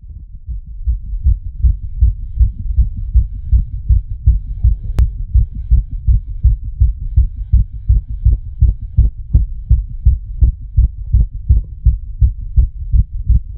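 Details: Creator's own racing heartbeat, set to a speeding-heart animation: fast, regular, pounding low thumps.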